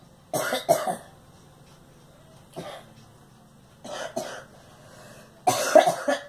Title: Girl coughing